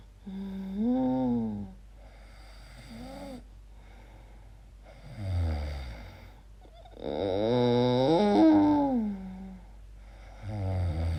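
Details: Person recorded asleep making strange noises, wondering about sleep apnea; unusual high, whining, tonal breathing sounds rising and falling in pitch with quiet gaps: an odd form of snoring.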